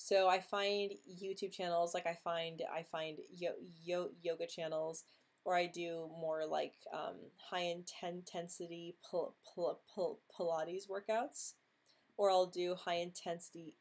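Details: Adult woman, a former Marine, who stutters and feels her social anxiety stems from it; stuttering.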